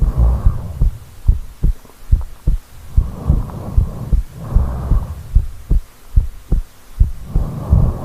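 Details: Real recording of a person's own heartbeat while asleep and rolled over, with snoring: deep, regular thumping about 72 a minute with slow breathing whooshes underneath.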